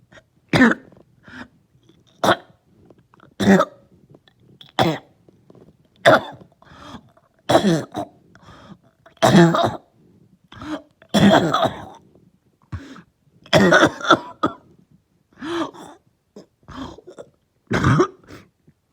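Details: Lingering cough that started last night, with headache: about sixteen short, harsh, throaty, dry-sounding coughs, single or in pairs, spaced through the recording.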